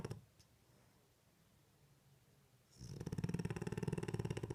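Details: French Bulldog snoring while asleep with eyes open: after a quiet stretch, a fluttering, rattling snore with fast vibrations through the breath.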